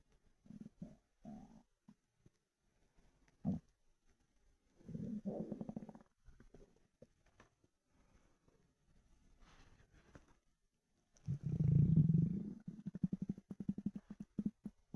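Low gurgles and growls, ending in a long loud rumble that breaks into rapid bubbling; ordinary hunger rumbling (borborygmi).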